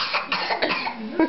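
A young child gives a quick series of short, voiced coughs in a small indoor room.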